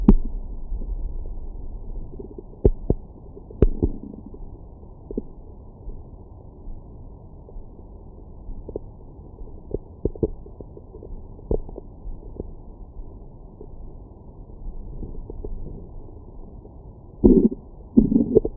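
Low gurgling rumbles and scattered short pops from the belly; ordinary stomach growling after a meal.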